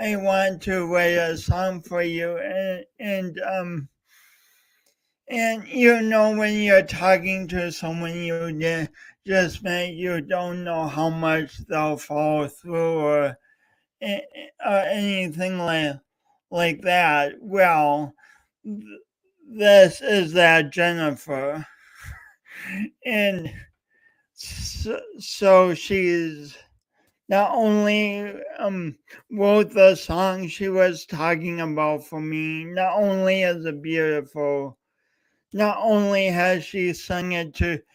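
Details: Male host with a self-described speech impediment, coached for years, talking live for three hours straight as a challenge; speech disfluency.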